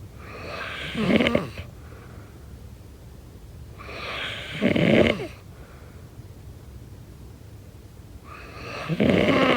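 Three loud rattling snores on in-breaths, about 14 a minute, with quiet breathing between: ordinary snoring.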